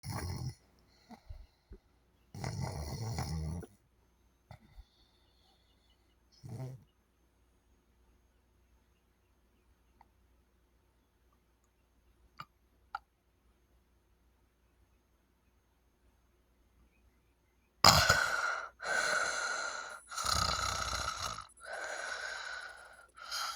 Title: snoring loud with sleep apnea